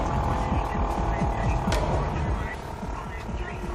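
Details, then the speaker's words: Surgical suction machine running with a steady low motor hum and rapid throbbing pulses in an emergency room, switched on to aspirate blood through a tube with an inflated esophageal balloon, draining blood from the esophagus and stomach; variceal bleeding suspected. "Depois disso, a gente pode ligar tudo na sucção. Pode ligar a sucção."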